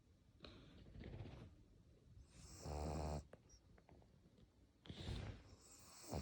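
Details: Pug snoring while asleep: rough, fluttering snores on each breath with wheezy snorting noises between them, typical of a flat-faced dog.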